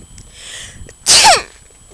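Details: A quiet intake of breath, then one sharp, hissy, explosive sneeze; a single sneeze from someone who couldn't stop sneezing.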